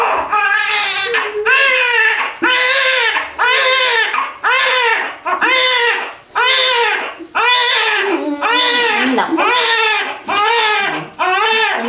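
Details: Loud, rhythmic newborn crying at about one cry a second with quick breaths between: a strong, normal cry just after a normal vaginal delivery.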